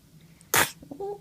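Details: Single sharp, high-pitched sneeze from a baby, followed by soft breathy sounds and a brief whimper; an ordinary infant sneeze.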